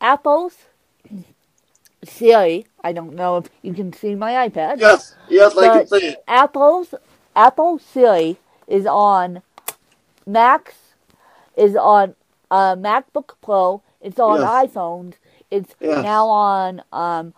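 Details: Mild dysarthria in a woman with cerebral palsy who uses a walker; she says her speech impediment is milder than her interviewer's.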